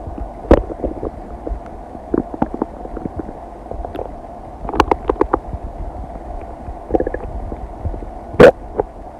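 Irregular gurgles and rumbles from the belly over a low background hum: ordinary bowel sounds of digestion.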